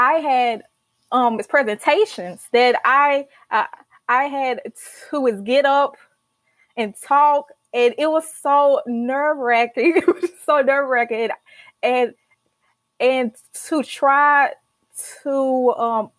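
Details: Adult female college senior who stutters and started speech therapy in college; stuttering.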